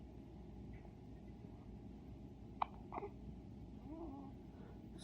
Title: Cute hiccups from a one day old baby boy